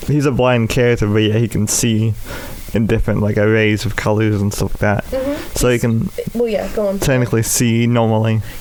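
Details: Adult male with cerebral palsy affecting the right side of his body, which he says causes his speech impediment; speech impairment (cerebral palsy).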